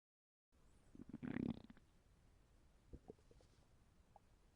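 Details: Simulated stomach rumbling of a fictional animated robot character with an upset fuel tank while lying down: a burst of low gurgling and bubbling, then a few softer gurgles over a quiet background.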